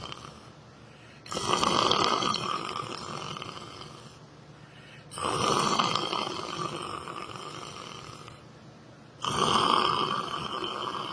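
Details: A person sleeping, snoring: loud, rough, rattling breaths in roughly four-second cycles, about 15 a minute, with quieter out-breaths between.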